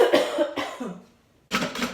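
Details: Acted coronavirus comedy skit of a worker at a food counter. Two harsh adult cough bursts, a short gap, then two more quick coughs: cough.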